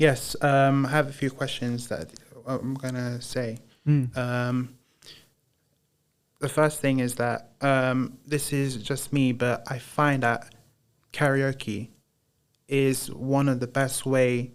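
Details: Broca's (non-fluent) aphasia in a man after a haemorrhagic stroke in 2010 while playing high school rugby, recorded about 15 years later; he says he knows what he wants to say but struggles to get it out.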